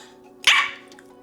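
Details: Vocal tic, a short bark-like sound, interrupting the speech of a 27-year-old woman with Tourette syndrome diagnosed at age 12.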